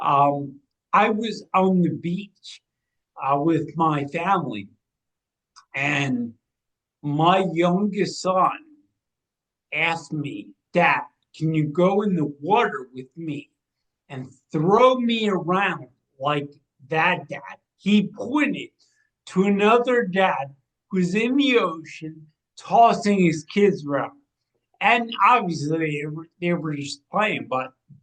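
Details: 45-year-old man with cerebral atrophy and ataxia, a degenerative brain disease diagnosed in 2013 or 2014; it progressed from 2020 with imbalance, motor skill decline, speech changes and eyesight issues; ataxic dysarthria.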